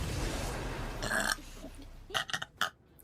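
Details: Burping compilation from a female VTuber's streams: a drawn-out belch followed by a few shorter burps over low background noise; ordinary burping (eructation).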